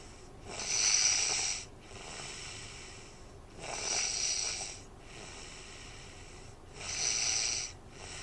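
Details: Adult snoring recorded on a Flip Video camcorder: three rhythmic, hissing, airy snores on the inward breath, about 20 a minute, separated by quieter breathing noise.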